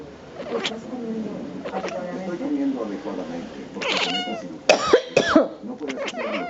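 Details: Coughing from a subject annoyed at not being allowed to sleep; a cough.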